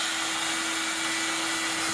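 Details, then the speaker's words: Oscillating cast saw running before cast removal: steady loud motor whine with constant buzzing pitch, vibrating back and forth rather than spinning. "kay this right here doesn't spin it vibrates back and forth so it's like you're getting a haircut the little Clippers they use for your haircut just like that okay it's going to be a little loud"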